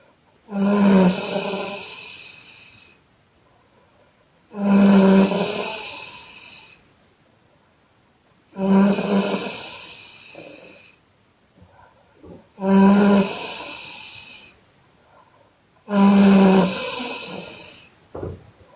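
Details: Loud exhale snoring by a Chinese girl: five loud, harsh, rasping breaths about every four seconds, each fading gradually, with quiet gaps; heavy snoring.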